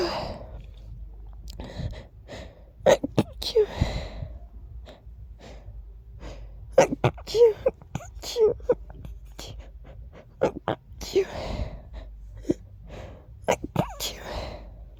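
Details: Person who woke up feeling very sneezy: several short sharp bursts with quick in-breaths between them over faint room noise; a run of sneezes.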